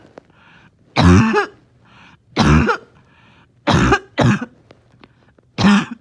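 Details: Morning barking, wheezing cough, having a hard time resting: five harsh, honking cough bursts with rasping breaths between.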